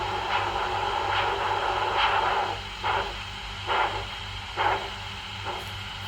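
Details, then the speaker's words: Handheld Doppler demonstration on a person: hissy device noise with rhythmic whooshing blood-flow pulses at about 70 a minute. "இப்போ கேட்டோம் பாருங்க இந்த volume வந்து பாத்தீங்கன்னாக்க இந்த டாப்ளர்ல வந்த சத்தம்தான்."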